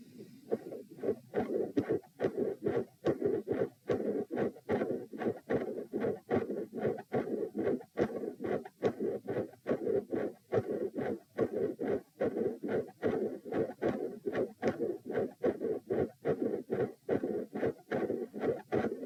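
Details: Split S1 and S2 with midsystolic murmur, recorded at position p lying down during manoeuvres to provoke murmurs; loud S1 and S2, four sounds per cycle, regular rate near 72 per minute.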